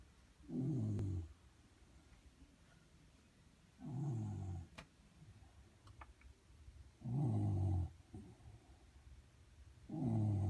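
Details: Shiba Inu dog sleeping under a desk: slow, regular low rattling snores, about 20 a minute, with quiet pauses between breaths; ordinary snoring.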